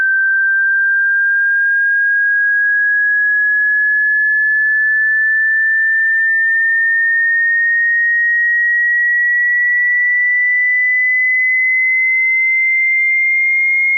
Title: HEARING TEST: - Test Your Hearing Free